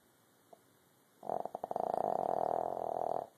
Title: Snoring Lilo